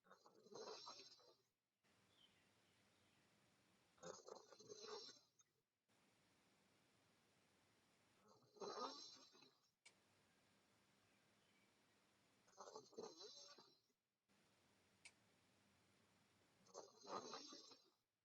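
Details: Sleeping girl, mouth open, snoring: rough, fluttering snores on each in-breath, about 14 a minute, with quiet gaps between.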